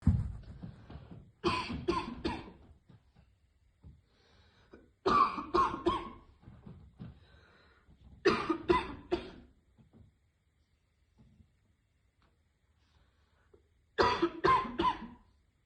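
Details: Adult woman described as a heavy smoker coughing after deep vape puffs: four bouts of harsh, forceful barking coughs, three or four each, separated by quiet pauses.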